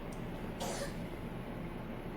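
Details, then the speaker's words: Single faint, muffled cough from a sleeping daughter who is unwell, heard at a distance over steady room noise. "sorry if you can hear my daughter coughing she is sleeping and she is as well not feeling well"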